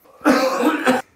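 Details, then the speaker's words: Single forceful, moist cough clearing loosened, trapped mucus during or after the active cycle of breathing technique (ACBT), a respiratory physiotherapy airway-clearance exercise. "during or after the active cycle of breathing technique you should find it easier to cough up your trapped mucus"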